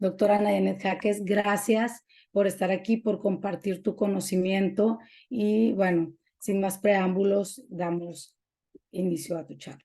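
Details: Adult woman speaking Spanish; normal speech.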